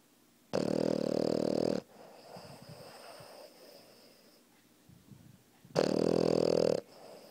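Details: Sleeping puppy lying on top of its owner, snoring loudly: two harsh, buzzing snores separated by quiet breathing.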